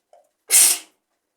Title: Handkerchief sneezes 💕